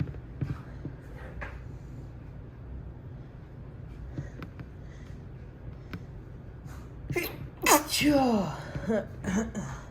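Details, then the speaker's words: Sneeze triggered by a lit cinnamon candle: quiet room, then one loud explosive sneeze followed by voiced, trailing after-sounds. "This candle. Normally cinnamon candles don't bother me. But this one is."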